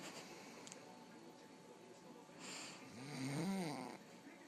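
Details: One rising, rattling snore from a sleeping man who says he does not snore often, over quiet room noise.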